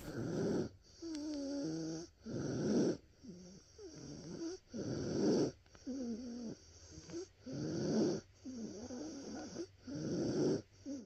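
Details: A child diagnosed with croup gives repeated harsh, hoarse, seal-like barking coughs.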